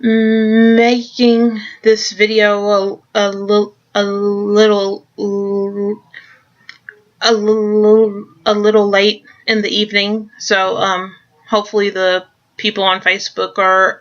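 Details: Adult who stutters; word repetitions, stuttering.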